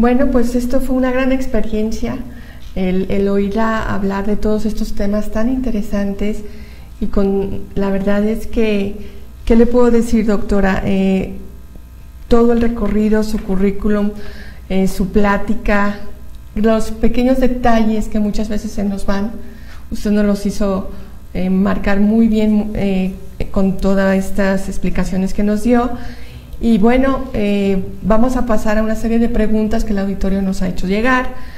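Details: Adult woman speaking Spanish; normal speech.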